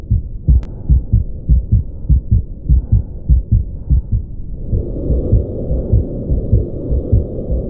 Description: 3:30 Patent ductus arteriosus